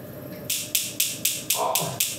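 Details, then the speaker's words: Focused shockwave therapy at an orthopaedic clinic on four or five painful points of an adult, about 3,000 shots planned: sharp, evenly spaced snapping clicks, about four a second; shockwave therapy handpiece firing. "그렇게 해서 포커스로 지금 치료를 갖다 한 3,000 타 정도 하면서 한 그 정도만 해 주면 시고요"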